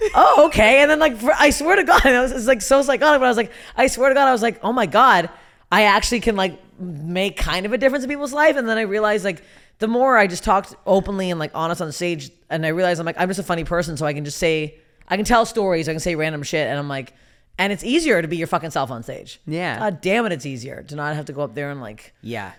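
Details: Adult; typical speech.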